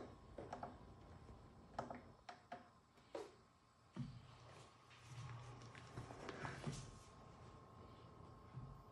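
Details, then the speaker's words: Improvised $100 emergency ventilator, a motorized arm-and-leg exercise bike driving a hand-pump bag, running at 14 cycles per minute: mechanical clicks and knocks, then a motor hum through each squeeze cycle. "machine is now running at 14 cycles per minute"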